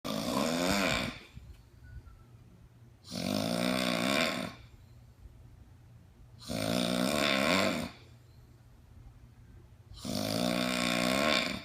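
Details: Loud, rough, regular snoring at about 18 breaths a minute, from obstructive sleep apnea.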